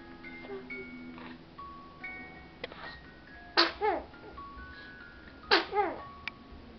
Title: Adorable baby sneezing